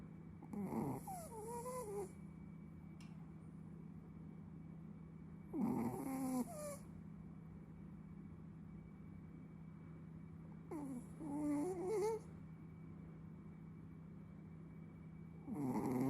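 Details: Sleeping Chihuahua: loud, rattling snores recurring about every five seconds, roughly 12 breaths a minute, over a steady background hum; dog snoring.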